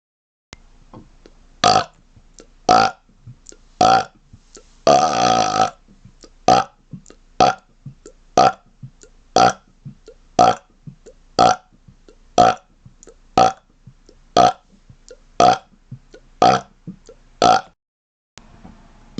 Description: More rapid-fire burps for your enjoyment! :)